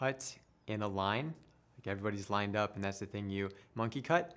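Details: Adult man who stutters, later a speech therapist himself, with stuttering present since childhood; stuttering.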